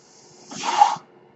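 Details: Speaker's own mechanical ventilator heard while he talks on a podcast: a single half-second hiss of rushing air that swells and cuts off into a quiet pause, one ventilator breath cycle.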